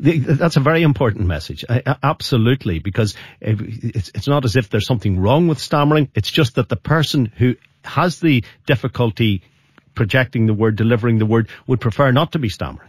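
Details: Adult male speaker; no speech disorder.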